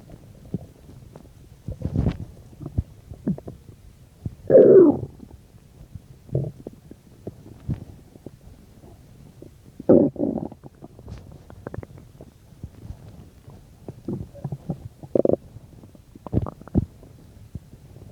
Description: So in this vid I'm digesting a bean and cheese burrito :3 I believe this is 10-15 minutes after I ate..anyways I would love to hear your guys opinions :3